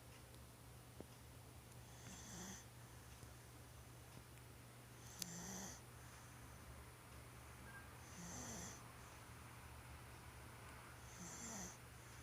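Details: 1-year-old child snoring during sleep: soft, regular snoring at about 20 breaths a minute with a faint snort on each breath, over a steady low hum.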